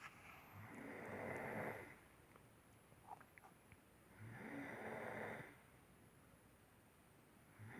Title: 4-15-16 snoring(2)